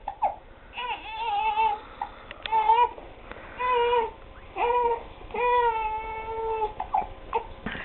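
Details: One-month-old baby with hiccups, fussing while being dressed: crying in repeated fussy bursts with short pauses; no clear hiccup sounds stand out; infant cry.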